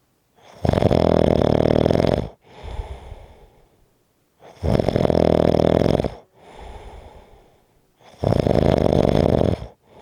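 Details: Loud, harsh, rattling snores on each inhalation with softer breathy exhalations, about 3 to 4 seconds apart: strong, heavy snoring.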